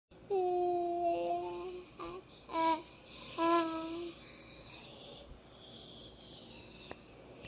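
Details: Child on a mechanical ventilator; vocalization during mechanical ventilation.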